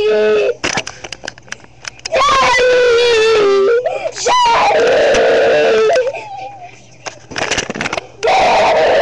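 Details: Loud, high wailing cries from more than one baby, in bursts with breaks between; ordinary infant crying.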